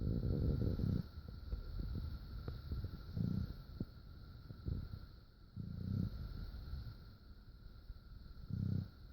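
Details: Fast asleep in bed next to his foster mom: low, rumbling, irregular snoring over a steady background hum; the snoring keeps waking her.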